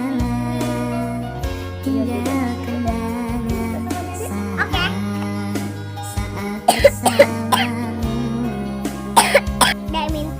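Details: A child gives a few short, sharp coughs heard through loud background music.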